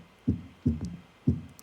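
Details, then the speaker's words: Simulated heartbeat with a soft extra thump just after the second sound, giving a rhythmic three-beat gallop: S3 gallop (third heart sound), in contrast to S4. "S3's got sort of like a nice rhythm to it, versus S4."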